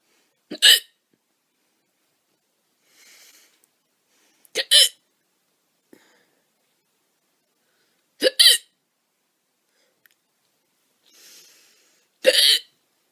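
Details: Four loud, abrupt voiced hiccups about four seconds apart with faint breaths between, from a young woman; hiccups (singultus).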